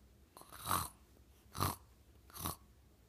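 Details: Three short, snorting breath sounds in three seconds in a quiet room; light snoring.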